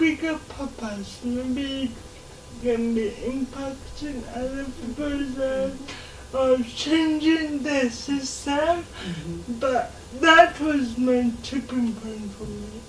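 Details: Dysarthria in a 26-year-old woman who has lived all her life with cerebral palsy and says she learned to talk much later than other children.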